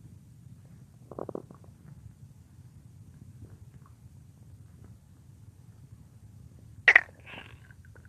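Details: A woman's real stomach growling: two short gurgling rumbles over a quiet low hiss, the second louder and squeakier; ordinary borborygmi.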